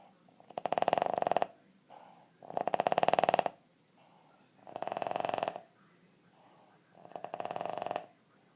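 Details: Boston Terrier, 2½ years old, snoring like a woodpecker: loud rattling snores in four bursts, each a rapid tapping flutter on the in-breath, about 30 a minute; flat-faced dog snoring.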